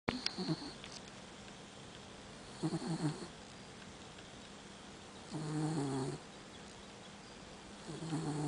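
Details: Light snoring from a sleeping dachshund-mix dog: soft, fluttering, buzzy breath sounds every few seconds.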